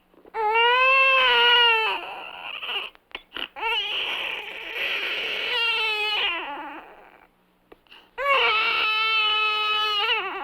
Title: Baby Complaining , Cooing, Crying Laughter Playing sound Effects